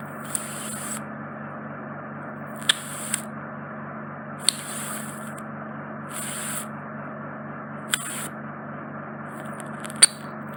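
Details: Microsuction of deep impacted wax from an adult man's right ear canal, which was causing reduced hearing: continuous suction hiss with gurgling bursts and clicks as a large wax piece is wriggled out through a narrow canal entrance.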